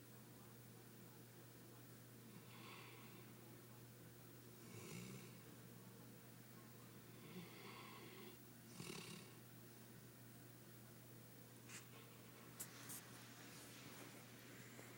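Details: Sleeping dog snores softly in a regular rhythm, possibly while dreaming, over a steady low electrical hum; snoring.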